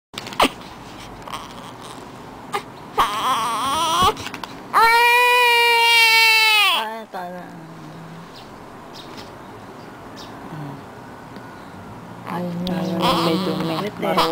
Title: Crying Time